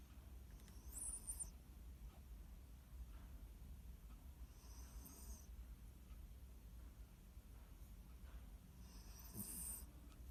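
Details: Sleeping dog snoring: low rumbling breaths with hissy snorts roughly every four seconds, about 14 a minute.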